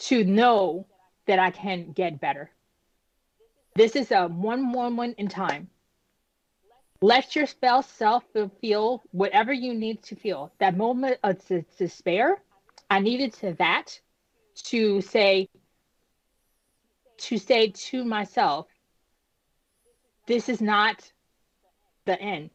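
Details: Adult woman, about 10 years after an ischemic stroke at age 36 that damaged about a third of her brain, including the speech center; initially unable to speak, with right-side paralysis; still recovering, with repetitions and word-finding pauses; post-stroke aphasia with apraxia of speech.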